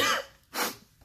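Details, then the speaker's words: Adult's early-morning cough: a single short, dry cough followed by a quick breathy sniff-like sound. "however it's early morning so you will hear me cough and"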